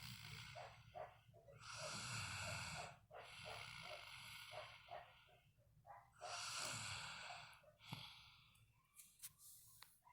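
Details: A sleeping dog snoring: slow, noisy breaths with a rough, fluttery snort on each breath, about 13 per minute.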